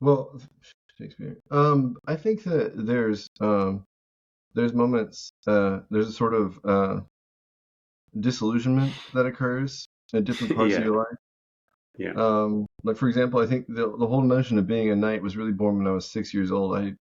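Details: Vocal tic from Tourette syndrome in an adult male veteran, an involuntary recurring single-word tic blurted mid-speech.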